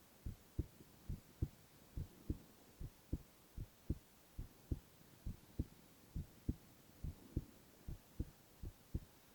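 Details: Male ASMR recording of heart sounds only, no talking: steady soft lub-dub heartbeat at about 68 beats a minute, regular, no extra sounds; normal heart sounds.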